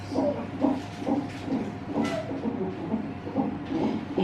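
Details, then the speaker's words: Fetal heartbeat of a baby girl at 39 weeks of pregnancy on a fetal monitor during monitoring, with her siblings listening: rapid rhythmic whooshing pulses, about 130 per minute. "They're listening to baby sister heartbeat."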